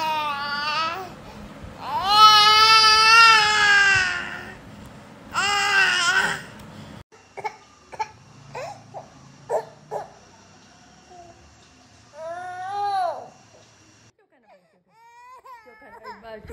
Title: Cutest baby crying